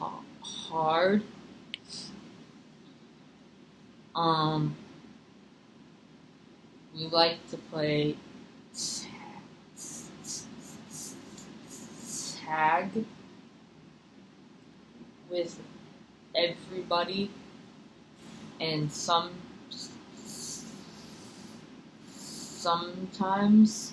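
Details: Acted role-play therapy session: a six-year-old client who stutters mostly at sentence beginnings, with eye closing, facial tension and chin tucking, is asked to notice what happens while stuttering; stuttering (acted).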